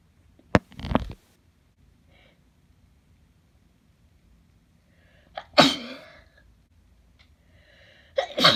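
Three sharp, wet sneezes spaced a few seconds apart, each with a quick in-breath before the burst; a sneezing fit.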